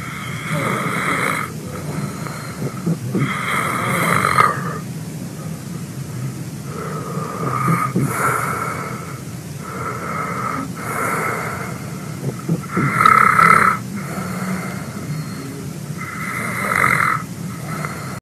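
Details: Loud rattling mouth-open snoring, roughly one snore every three to four seconds, in a quiet indoor room.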